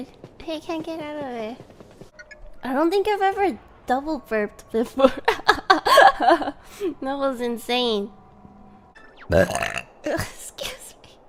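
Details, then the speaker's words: Burp compilation from a VTuber stream: several voiced burps mixed with repeated "excuse me" and remarks about a double burp, with faint music behind; burping. "excuse me excuse me yeah i was a double burp oh my god"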